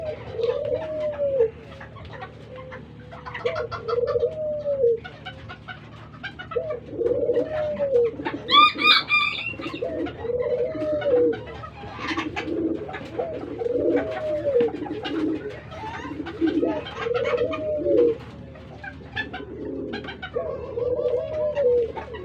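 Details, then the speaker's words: Wheezing in a pet dove with a cold, sneezing and severe wheezing, caged and treated: repeated coos with a rough, rattling, wheezy edge. "ini juga sedang pilek, mengi, dan bersin-bersin . Suara mengi yang dialami anak ini sebenarnya cukup parah."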